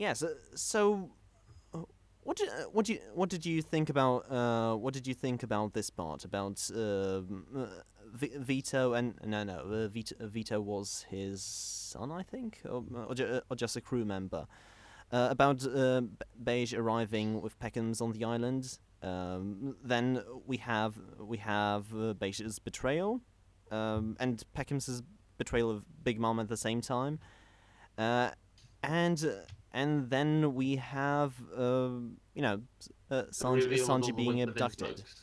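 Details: Stuttering in a male podcast host who describes himself as a stammerer.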